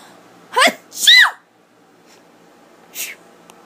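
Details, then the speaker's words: Girl and boy in a sneezing contest to see who sneezes louder; two quick, sharp sneezes one after the other, then a softer third burst, in a quiet room. "we're gonna sneeze in this video and let's try this is our sneezing video who sneezes louder let's try huh"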